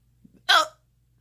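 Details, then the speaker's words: Adult with multiple sclerosis who had long-lasting hiccups since childhood, which an MS doctor said can be a symptom of MS: a single sharp, abrupt vocal hiccup with quick gulping onset in a quiet room. "I didn't realize until later when I was talking to my MS doctor and mentioning kind of offhand about how I would get hiccups when I was kid and he said that's really interesting because that can be a symptom of multiple sclerosis"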